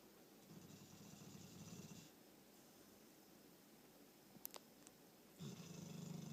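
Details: 6-month-old English Mastiff dog snoring: two low, rattling snores on inward breaths separated by a quiet pause, quiet room.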